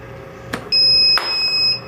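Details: Steady high electronic tone with a click as AC mains power is removed from an Eclipse 5 portable oxygen concentrator, which switches to battery power; power alert.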